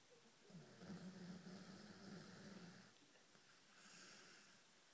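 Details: Snoring from a Greyhound, said to snore like a human: a single low, rattling snore lasting about two and a half seconds, then quiet room noise.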